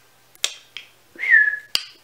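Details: Adult woman with tics, worse that day, talking on camera: whistling vocal tic.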